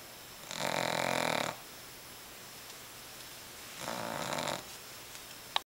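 Two rough, rattling snores about three seconds apart against quiet room noise; ordinary snoring.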